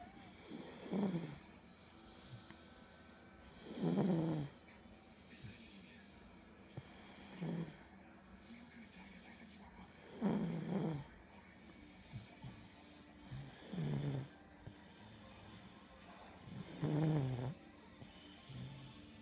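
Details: Middle son snoring in deep sleep: soft, regular snores, about six in twenty seconds, roughly nineteen breaths a minute, over quiet room noise.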